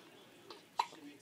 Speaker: so here's a little video of my baby boy he's one week old today one week old he's got the hiccups got the hiccups